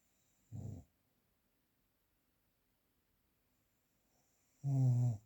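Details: Real analog recording without post-processing: two low, rattling snores about four seconds apart with quiet in between, breathing rhythm near 14 a minute, ordinary snoring.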